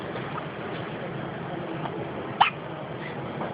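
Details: Newborn boy in the NICU just after birth with hiccups: one sharp, abrupt hiccup over steady background noise, with fainter similar catches around it.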